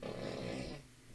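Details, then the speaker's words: Female pet dog snoring in the background while her owner talks; snoring. "Also, you can probably hear my dog snoring in the background. She finds this really fascinating."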